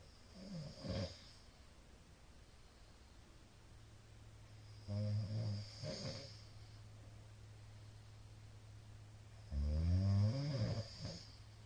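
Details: Middle-aged man's loud everyday snoring recorded on 2022-04-17: deep, loud, rumbling snores roughly every four to five seconds over a soft hiss during sleep. Snoring.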